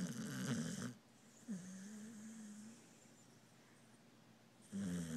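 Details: Dog snoring: loud rough snoring on the in-breath, two snores separated by a quiet pause with a brief whine-like tone.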